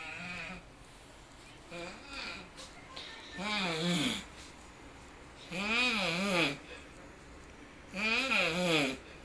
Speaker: He appears to be doing a crunch with each snore. And the cat, well, she's not amused.